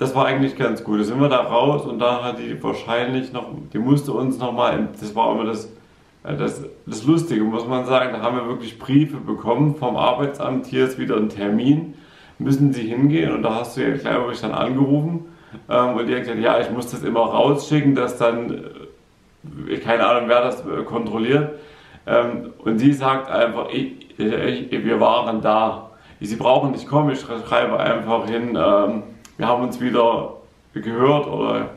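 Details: Adult man with aphasia after a stroke, still unable to work, speaking German in fragmented, partly garbled sentences in a personal vlog; aphasia after stroke.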